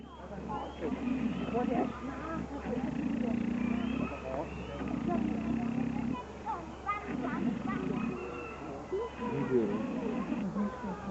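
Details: Vietnamese pot-bellied pig snoring while asleep at a small bird park zoo in Bavaria: rhythmic low rumbling grunts, about 27 a minute, over birdsong and a steady hum.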